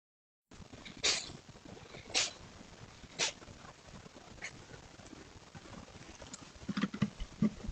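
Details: Fisher cat sneezing, jokingly said to have COVID or flu: three sharp, hissing sneeze bursts about a second apart, then softer snuffling and licking sounds as it licks the camera; sneezing.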